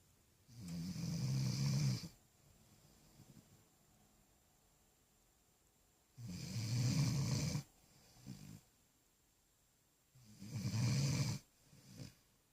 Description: Kaiser snores while having puppy dreams